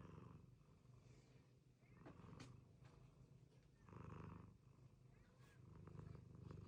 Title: She snores #cats #cat. #paws #cutepet #kitten #cuteanimal #catlover